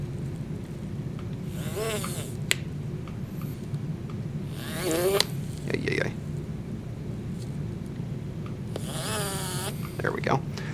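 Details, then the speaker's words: Rotary tissue punch at recommended 800 RPM excising soft tissue on a rubber mucosa mandibular benchtop model during guided LODI implant surgery: bursts of rising motor whine over a steady low hum. "now I recommend 800 RPM's for the tissue punch procedure and what I'm going to do is just hold this cause this rubber mucosa tends to ripple a little bit there"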